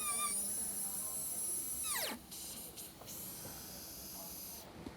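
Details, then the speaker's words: Dental high-speed handpiece with diamond bur refining the rounded-shoulder margin of an all-ceramic crown preparation on tooth #9: high, steady whine that winds down quickly as the bur stops, then quiet room noise. "you can do that by just bringing the tip of your diamond out and just carefully sanding that margin"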